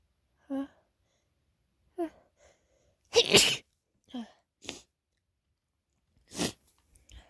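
Several sneezes in a quiet room, some small and stifled and two loud open ones, with short intakes of breath before.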